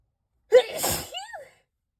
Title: Spray Chhinkni sneezes